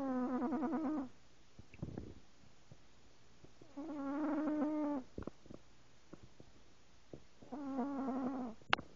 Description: My boy cat, Rigel, passed out snoring. He does it every time.